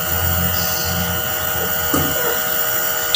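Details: A nebulizer compressor running during NaCl nebulization of a baby with a cough and cold: a steady mechanical hum and hiss with faint room sounds.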